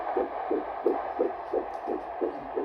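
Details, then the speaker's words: Rapid, regular whooshing fetal heartbeat, about 150 a minute, over hiss, on the obstetric monitor at the visit when pregnancy with a daughter was discovered; described as sounding energetic. "Next thing I know, like, my belly is out. I'm listening to my daughter's heartbeat for the first time."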